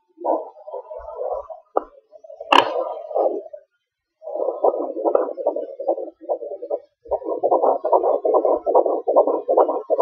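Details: Fetal heartbeat at 18 weeks 4 days on a home fetal Doppler, recorded on a laptop, with the baby moving: rapid whooshing pulses around 145 a minute, a brief gap and a click; normal fetal heartbeat.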